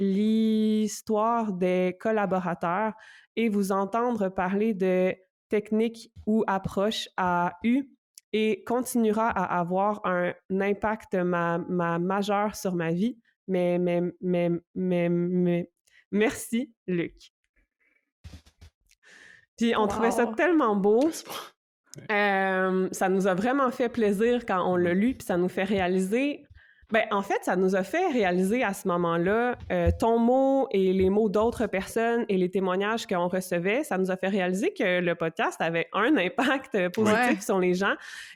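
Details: Stuttering in an adult woman who stutters; stuttering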